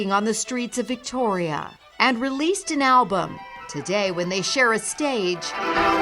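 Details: Adult narrator; normal speech.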